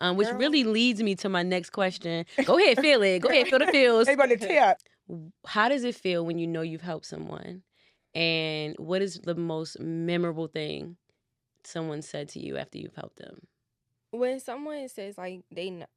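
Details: Adult woman speaking; Normal fluent speech.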